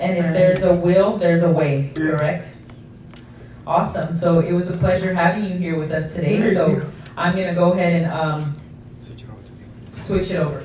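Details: Adult speaker (interview host); normal fluent speech.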